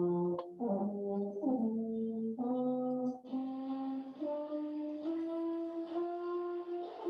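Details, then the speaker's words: Embouchure dystonia in a wind musician, with tongue overactivity and compensatory mentalis activity: brass notes with wavering, smeared, unclear attacks and impure tone. "And here you see it's a tongue, overactivity of the tongue and the mentalis muscles as a compensation, and the tone production is not pure. So the attack is not very clear."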